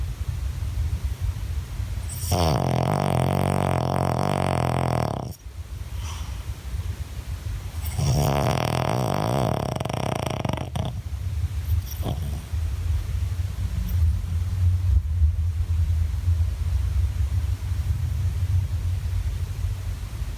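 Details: Loud, long rumbling snores, two drawn-out rattling breaths then quieter noisy breathing, from a tired sleeping dog; heavy snoring.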